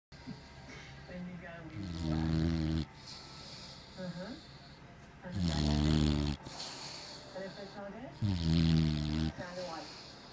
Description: Stratford blaming his Mama for his rather loud snoring. Mama is a ventriloquist!!!!